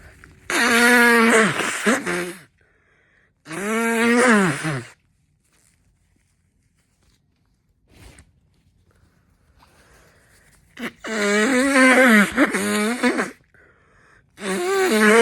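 Four loud, drawn-out voiced sneezes, separated by quiet pauses.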